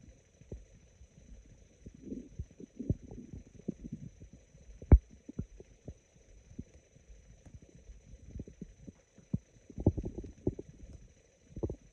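Scattered low rumbles and raspy gurgles with quiet gaps between them: stomach growling from an adult's abdomen.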